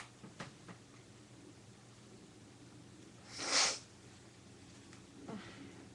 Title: sneezes and snotty noseblowing